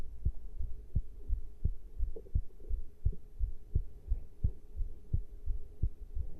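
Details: Normal heart sounds after caffeine intake: steady low thumping at about 86 beats a minute with a faint steady hum behind it, regular rhythm.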